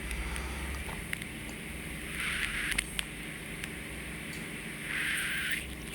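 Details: Nurse's microsuction of very old, flaky wax and dead skin, breaking off in small pieces: low room hum with a few short hissing slurps and clicks from the suction tube.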